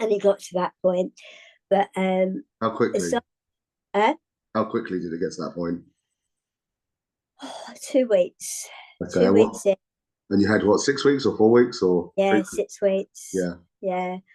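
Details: Adult speakers in conversation; speech.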